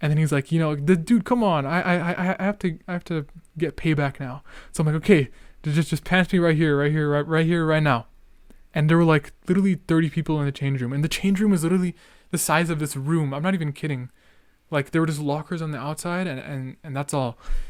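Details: Male podcast host who stutters and remarks he is stuttering a lot, with part-word and whole-word repetitions: stuttering.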